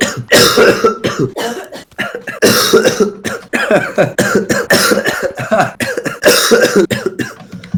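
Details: Persistent harsh, forceful coughing bouts in quick clusters with short gaps, coughing all evening; cougher says it feels so bad his eyes bulge; cough.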